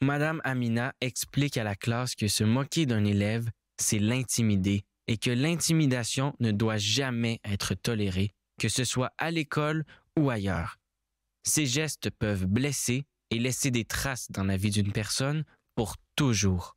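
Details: Adult male narrator; no disorder.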